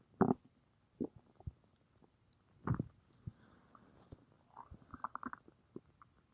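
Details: Irregular low gurgles and watery bubbling bursts that come and go over a quiet background: stomach rumbling (borborygmi).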